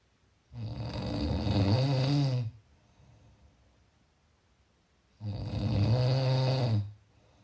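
Two loud, rough, rattling snores on breathing in, about 13 breaths a minute, with quiet pauses between them.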